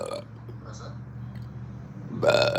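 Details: Hiccup burps: a low, rumbling belch through the middle, with brief louder voiced sounds at start and end.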